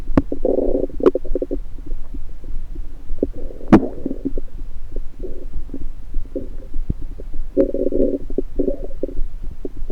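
Irregular gurgling and bubbling bursts with soft clicks over a low background: active bowel sounds, ordinary stomach rumbling.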